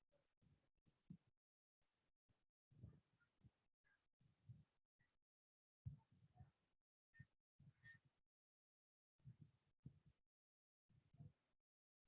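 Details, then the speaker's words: Pleural inflammation (pleuritis): rough, creaking grating bursts in both breathing phases as the inflamed parietal and visceral pleura rub together; pleural friction rub. "Dengarkan Sekali lagi ya jadi seperti Wah Ada gesekan ya secara normal antara flora parietal dan viseral ini ya"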